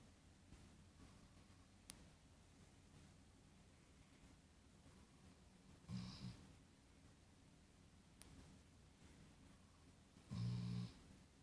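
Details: Two short, low, rumbling snores about four seconds apart, with faint clicks, in a quiet room: soft snoring during sleep.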